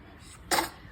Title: The baby is sneezing